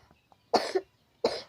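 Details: Two short, sharp coughs about a second apart from a child in a quiet room; the cough is blamed on eating ice, candy and cold drinks.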